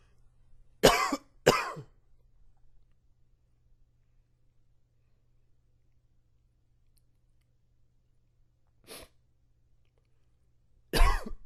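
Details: Four short, fairly dry coughs from an adult with allergies flaring: a quick pair, then two more spaced out.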